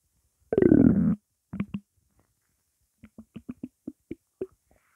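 A long gurgling growl, then a run of short bubbling pops from the belly; normal hunger stomach rumbling.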